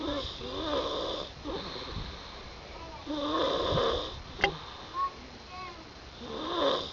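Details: Snoring from a sleeper after a long day: repeated rattling, vibrating breaths about every three seconds, with a brief tap in between.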